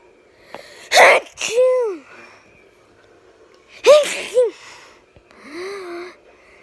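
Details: Autistic 8-year-old girl: two sharp sneezes, each with a quick intake and an explosive burst, followed by short voiced sounds; sneezing.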